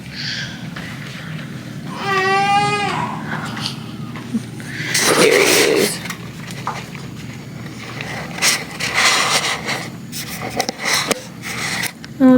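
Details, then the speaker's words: Brief fussy cries and whimpers between quieter stretches, adult voices nearby, from a newborn in week three of hospital stay with dropping oxygen and fluid around the lungs, sedated after a procedure and unfed since 4 a.m.; irritable, hungry infant cry. "he is so irritated they had my baby not drinking milk since 4:00 this morning right so he ready to eat"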